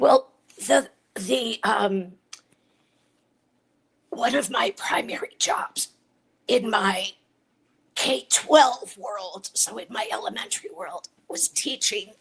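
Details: Adult woman with a chronic voice disorder; dysphonia.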